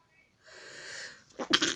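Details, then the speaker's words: Adult woman, the uploader's mum, deliberately making herself sneeze: a long hissing in-drawn breath builds for nearly a second, then an explosive burst of air. A single sneeze. "this is my mom going to be trying to make herself sneeze first time"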